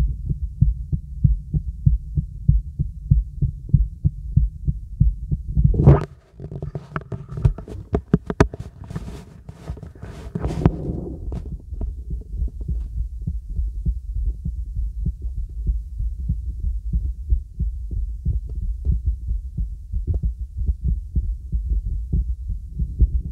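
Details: Normal heart sounds heard through a real stethoscope with the diaphragm over the heart, as part of a full-body auscultation.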